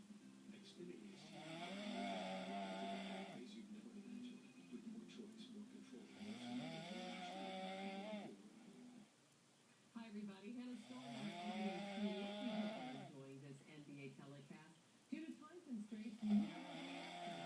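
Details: Long, rough, fluttering snores about every five seconds, roughly twelve breaths a minute, with quiet pauses between; described as a weird snore; snoring.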